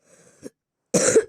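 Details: Cough from a person who says they have fallen ill and apologizes for coughing during game commentary: a faint throat sound, then one loud, harsh cough burst.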